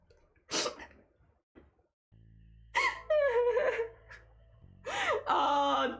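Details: Single sharp sneeze with a quick in-breath before it, followed by brief speech, over a faint room hum, from an adult streamer with a cold.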